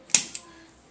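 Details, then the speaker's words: Two sharp, light clicks in a quiet room, a louder one then a softer one, from a spring-loaded activator instrument used at very light force on a child's spine during a pediatric chiropractic adjustment; chiropractic activator instrument click. "so with him I'm going to use an activator tool it's very light force it just kind of clicks"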